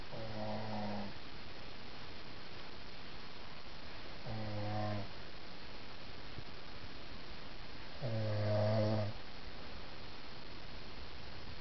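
Deep, rumbling snores on three breaths roughly four seconds apart, about 15 breaths a minute; low, vibrating tone with each breath.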